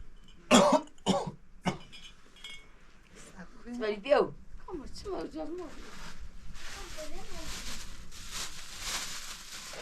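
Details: Man with a persistent cough, later seen by a doctor who prescribed medicine and serum: three harsh coughs in quick succession, then throat clearing and groaning, with outdoor noise behind.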